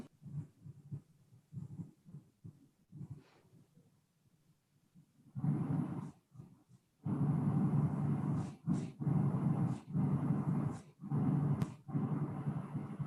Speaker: this was an example of the complex repetitive discharge i hope you can hear it